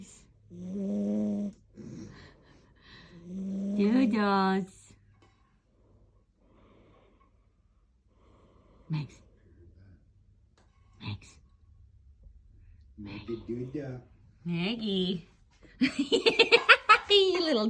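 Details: A chonky cat snoring loudly "like an old lady" while asleep: irregular, tonal snoring sounds with pauses between breaths, ending in a rapid fluttering run.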